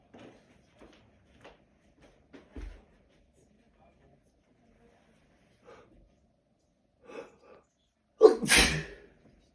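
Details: Person with a cold who had an itch to sneeze for 24 hours: soft breathy catches and sniffs build up to one loud, explosive sneeze at the end; relief sneeze.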